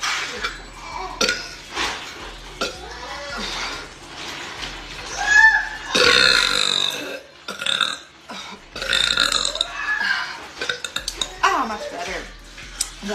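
Several loud, prolonged rumbling belches with brief pauses and faint background talk. Ordinary burping.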